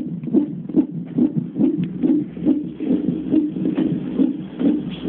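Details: Rapid, regular whooshing fetal heartbeat on CTG monitoring, about 140 beats a minute.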